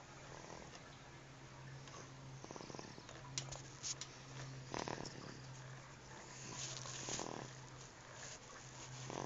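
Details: Infant sleeping in a swing, quiet soft snoring repeating every couple of seconds over a steady low mechanical hum; snoring.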